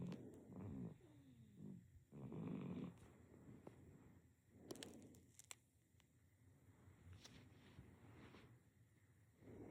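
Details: Sleeping baby with quiet, irregular snuffly breaths and light rattling in a small room; infant snoring.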